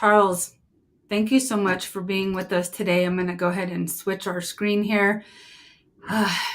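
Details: Adult woman; Normal speech.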